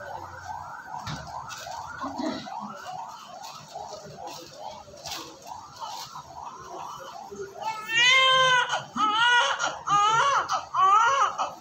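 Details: Newborn born having inhaled a lot of amniotic fluid and secretions, given oxygen and airway suction. Thin, strained cries, first rapid and choppy, then louder full cries with a gurgling edge during suction; newborn cry.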